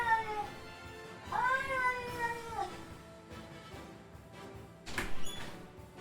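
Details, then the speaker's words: Pet cat's drawn-out, wavering yowls with throaty gagging, crying while retching and vomiting at home, heard during a live gaming stream. "um i'm not gonna show the cat barfing well there it is all right jesus christ"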